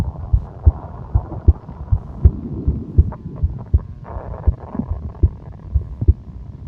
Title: stomach growling and heartbeat